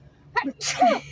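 A quick in-breath followed by one sharp, explosive sneeze with a voiced tail; a single ordinary sneeze.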